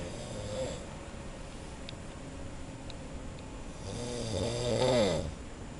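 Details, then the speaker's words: Snoring from a man asleep in a laboratory darkroom, recorded from outside while he was unaware: a distant, muffled snore rising and fading over about a second and a half, against steady room hum. "然后我们实验室的黑暗房里面有一位老兄正在肆无忌惮的打呼，传到我们外面来。"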